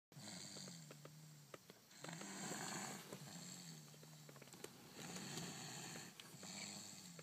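Rough, rattling snores on breathing in, about three in seven seconds, with a hissy quality and room noise in the background; snoring.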